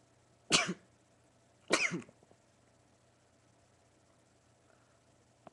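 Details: Male sneezing, part of a run of 20 sneezes: two sudden, explosive sneeze bursts about a second apart, then quiet room noise; sneeze.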